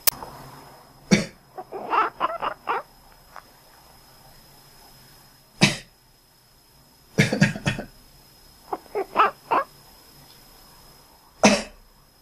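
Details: Adult coughing, each single harsh cough followed by short quacking-like bursts from a cat, in a quiet room.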